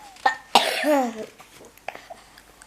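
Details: Short harsh cough then throat-clearing in a quiet room, from an ill reader coughing while reading a bedtime fairy tale aloud.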